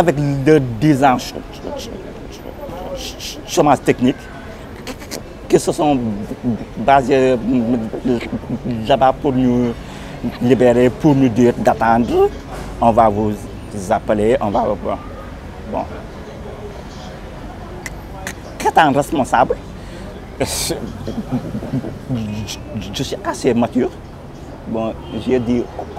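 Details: Senegalese man who stutters, speaking French: stuttering.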